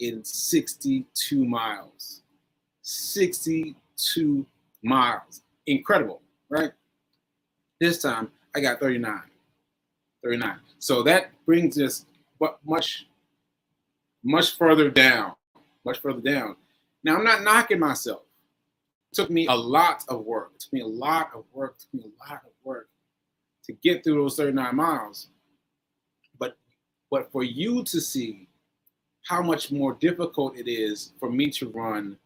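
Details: Aphasia in a man after a stroke on 7/14/22, recorded nearly a year later (7/4/23), with word-finding pauses and fillers.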